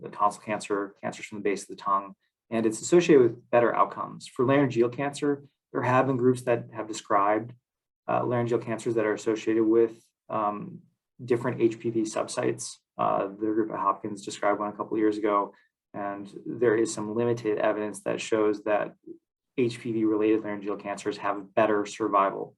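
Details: Adult male speaker; normal voice.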